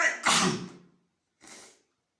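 A sharp inhaled catch, then an explosive sneeze, followed by a softer second burst.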